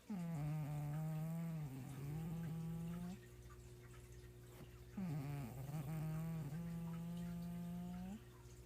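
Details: A mother snoring heavily: two loud, long, buzzing tonal breaths about five seconds apart over a steady background hum.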